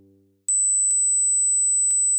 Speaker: if you can hear 8 000 Hertz you're both alive and not hearing impaired but let's keep raising the frequency